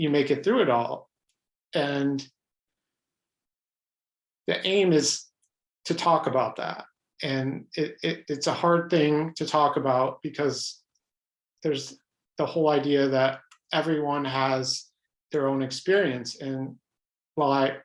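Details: Adult man with lifelong stuttering, pattern mostly blocks, who reports hundreds of different ways he stutters, speaking spontaneously in a real interview; stuttering.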